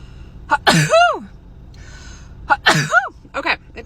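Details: A girl gives two sharp sneezes, each with a voiced cry, triggered by a COVID-19 self nasal swab test. Reflex sneezing after nasal swabbing.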